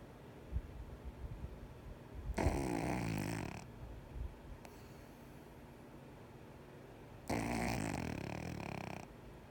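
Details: 4-month-old pug asleep with eyes half open: two long, rough snores about five seconds apart with quiet breathing between; snoring.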